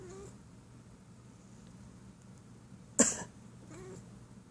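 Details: A single short, sharp cough from an adult woman, followed by a faint, soft meow from her cat, which meows at every human cough.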